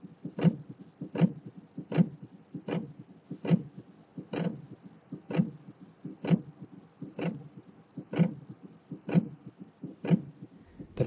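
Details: Three-component (triphasic) pericardial friction rub: repeating scratchy, grating sounds with each heartbeat, about 63 a minute.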